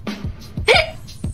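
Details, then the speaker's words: Quick run of sharp, abrupt, intense hiccups, one with a voiced gulp, over soft background music, from an adult woman during a live stream. "I have the hiccups I don't know if this game is just messing with my breathing I think it is I think it's messing with my breathing"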